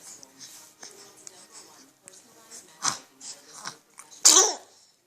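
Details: Soft babbling and small breathy sounds from a baby boy, then one sharp, loud, hissing burst near the end: a single infant sneeze in a quiet room.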